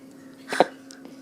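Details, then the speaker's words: A single abrupt voiced hic sound, said to sound like a frog; hiccup. "Whoa. What? Sounds like a frog."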